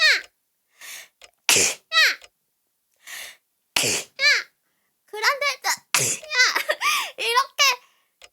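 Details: A person sneezes with an odd-sounding sneeze, heard as "kit~hiyang~", amid laughter.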